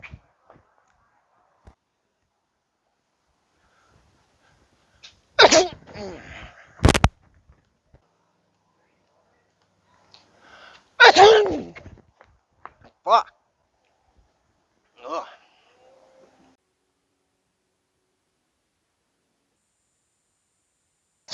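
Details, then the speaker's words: Person sneezing on others as a prank: two loud, explosive sneezes with short quieter sounds in between; sneezing. "Oh. Come on, buddy. I just sneezed in my hand a little."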